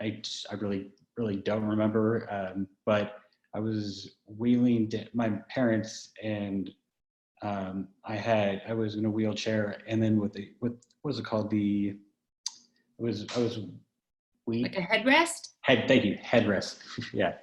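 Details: Man who had a stroke at age 21 about ten years ago, with right-side paralysis and foot drop. His aphasia first left him with about three words and unable to read, write, spell or understand; it has since improved. Word-finding difficulty with gesture substituting; aphasia.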